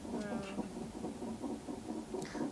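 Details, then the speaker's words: Fetal heart sounds on a Doppler monitor during the fourth nonstress test of a late-pregnancy mother after a failed catheter induction; the baby is moving a lot and there are no contractions right now. "What's the heart rate at, Kelly? The nonstress test monitors the baby's heart rate. The higher the better."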